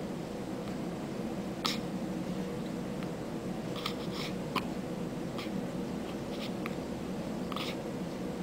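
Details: Infant girl's hiccups: about seven soft, brief hiccup clicks over eight seconds against steady room hum.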